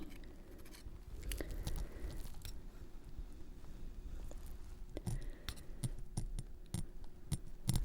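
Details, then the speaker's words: Simulated ASMR dentist role-play of a routine teeth cleaning: a metal instrument scrapes and clicks on the teeth while a little tartar is scraped off; dental scaling. "Just a little bit of tartar that I am scraping off."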